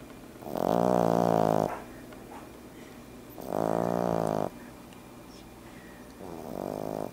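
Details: An 11-week-old French Bulldog puppy asleep, snoring loudly with rattling snores on each in-breath, about one every three seconds, with quiet gaps between: snoring.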